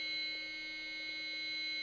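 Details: Child AED demo after 30:2 CPR, pediatric pads for under 25 kg: device analyzes, then a steady high-pitched electronic buzzing tone signals shock advised and ready to deliver.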